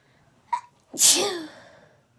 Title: Desperate Sneezing fit